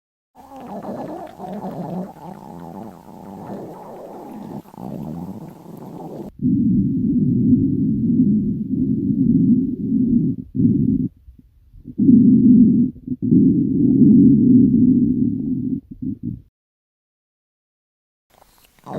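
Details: Staged fantasy skit of a girl told to hold off eating: loud, prolonged, low rumbling and gurgling stomach growls in long stretches with brief pauses, typical of a hungry stomach; normal bowel sounds.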